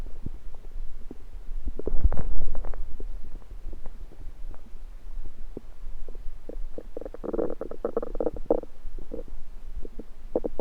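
Irregular low gurgling and rumbling with a louder bubbling run midway; ordinary stomach rumbling from gas and fluid moving through the gut.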